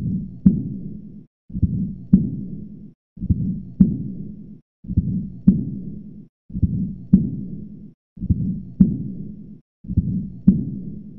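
Regular heartbeat at about 36 a minute, each beat trailed by a soft blowing murmur; an aortic regurgitation murmur.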